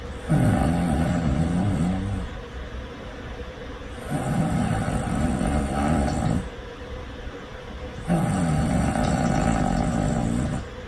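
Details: Loud, rough, rumbling snores on each breath in, about three in eleven seconds, with quieter breaths out between; loud snoring in deep sleep.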